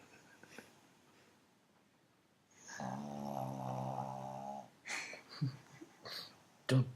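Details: Pug asleep on a sofa, one drawn-out, buzzing, whistle-like breath, then snuffles and brief noises: snoring.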